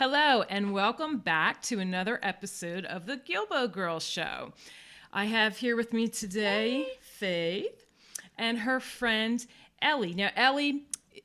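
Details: Adult female speaker; normal speech.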